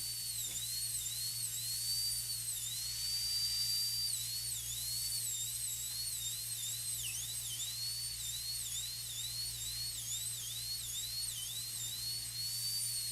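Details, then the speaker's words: High-speed dental drill cutting lingual and proximal walls, margin kept close to gingiva, in a full gold crown preparation; steady high-pitched whine dipping repeatedly in pitch, over constant hum. "Keep the margin pretty close to the gingiva. Again, the farther the margin is from the gingiva, the closer the burr is to the adjacent tooth."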